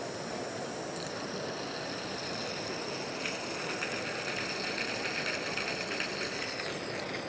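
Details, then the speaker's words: Isolite dental isolation mouthpiece with vacuum on, demonstrated on a volunteer: a bottle of water is poured in and loud continuous rushing, gurgling suction draws it up without extra aspiration. "That's a lot of water. It's more water than we ever use in any other type of dentistry and it vacuums it up without the date of any additional suctioning or aspiration."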